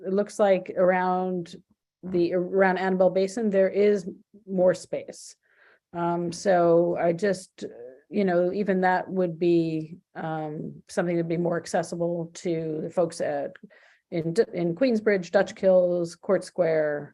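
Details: Adult woman speaking; normal voice.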